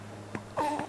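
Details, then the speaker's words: Newborn boy, born breech at 38 weeks, sleeping wrapped against his mother: a brief soft grunt and then a short whimpering moan. The mother is unsure whether he is waking, gassy or dreaming; these are ordinary newborn sleep noises. "If you hear a breathing or a little grunts like so I do have my little one wrapped around me he's sleeping right now and I don't know if he is trying to wake up if he is gassy if he is having like an intense dream I don't know"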